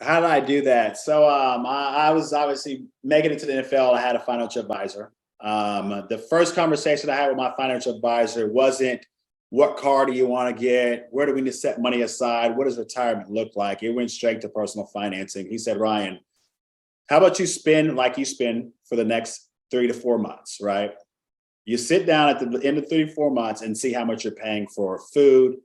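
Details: Adult male speaker; normal speech.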